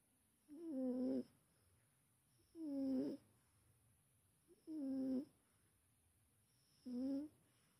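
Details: Cat snoring: regular, tonal, squeaky snores about every two seconds, roughly 29 a minute, in a quiet room.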